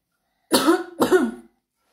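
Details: Forced, voiced coughing done on purpose by an adult as a prank on a 5-year-old niece: two deliberate coughs in quick succession, not from illness.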